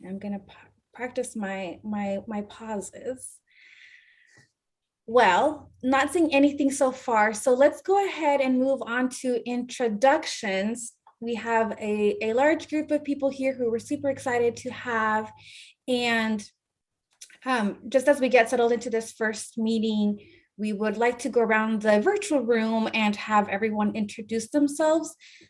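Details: Adult woman speaking; normal speech.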